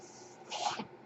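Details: Home mechanical ventilator breath heard while an adult man, a ventilator user, records a podcast: a soft, brief whoosh of air rises and fades over a quiet room background.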